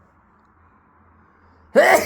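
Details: Adult man, the dad, gives one sudden loud sneeze after quiet room hum, while the little ones resting on a sofa watch.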